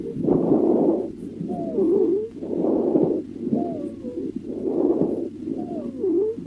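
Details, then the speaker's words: Teaching example of wheezing for EMTs and paramedics: high-pitched musical whistling on each breath cycle, from constriction of the bronchioles; common in asthma, COPD and bronchitis. "second we have wheezes wheezes are a high pitched musical sound that can be heard on inspiration or exploration and are caused by a constriction of the bronchioles wheezing is common with asthma copd and bronchitis here is wheezing"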